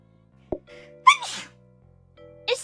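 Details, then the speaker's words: A female streamer's sneeze after she says her sneezes are embarrassing rather than cute: a brief inhale, then one sharp, explosive sneeze burst over quiet background music. "it's not what a cute sneeze is actually embarrassing he Mak me embarrassed every time I sneeze in public everyone turns on turns their head on me like what the hell"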